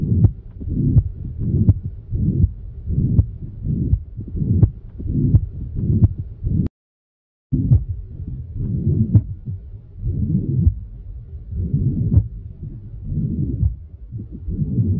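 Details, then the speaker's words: Practice example of a holosystolic murmur: low heart sounds with a steady blowing murmur filling each systole, between S1 and S2; holosystolic murmur. "remember inside of that it is a systolic murmur outside of that diastolic murmur"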